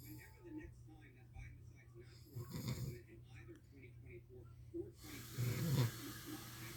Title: My dad snoring